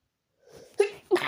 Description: Had a very very tickly and hitchy nose today . And i needed to sneeze before going in bed to sleep.